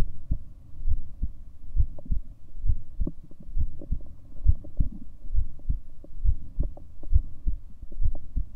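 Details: Own heartbeat recorded over 7 minutes: regular low thumping at about 67 beats a minute over a faint steady hum; normal heart rhythm.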